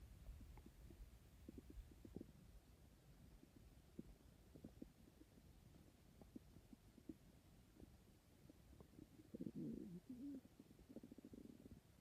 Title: My stomach growling